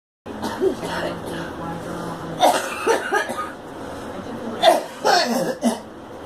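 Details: Girl coughing: several short, loose coughs in quick clusters, with some throat noise between them; plain coughing.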